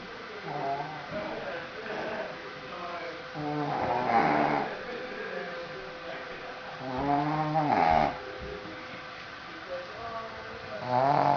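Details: Sleeping pet dog snoring: slow, drawn-out nasal snores with a whistling, squeaky edge, about every few seconds.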